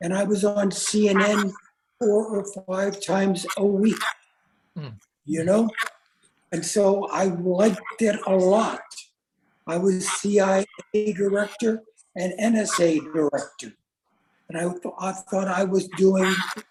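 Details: Adult man with aphasia about 3.5 years after a stroke, improving slowly with therapy at a stroke recovery center; aphasia.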